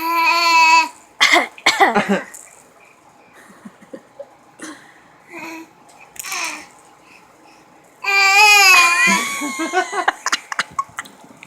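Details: A 4.5-month-old baby trying to fake a cough: short, breathy cough-like bursts between squeals and babbling.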